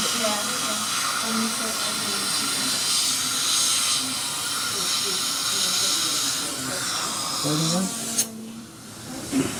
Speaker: The upper bridge work is cemented now and has been all cleaned up. And make some minor adjustments to his occlusion.